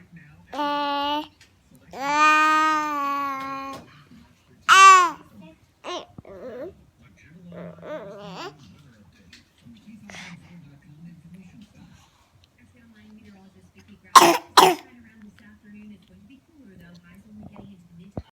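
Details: Young child babbles and vocalizes, then gives two short, sharp coughs in quick succession.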